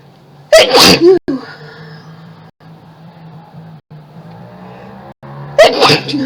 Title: Tons of Sneezes and Mess!!